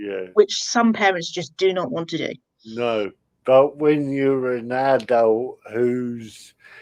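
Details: Adult man with spastic cerebral palsy caused by lack of oxygen at birth, affecting limb control and speech; dysarthria (spastic cerebral palsy).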